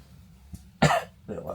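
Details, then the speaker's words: An adult woman gives one sharp, forceful cough followed by a softer, shorter cough against faint room noise. "like the sound of that. Wife's coughing."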